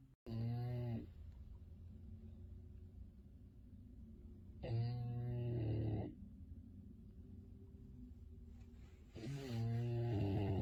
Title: Finnley Bulldog snoring and Sleeping 😴